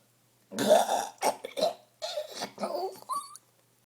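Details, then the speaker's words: A child doing a burp challenge after drinking lets out a string of several deep, throaty belches in quick succession, some short and clipped. "I am epic at burping, guys. Absolutely epic."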